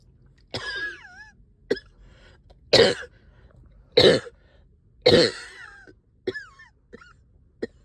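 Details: Productive cough after a night up coughing, with chest heaviness and headache: about seven harsh, wet coughs with throat clearing in under eight seconds, bringing up stubborn sticky phlegm.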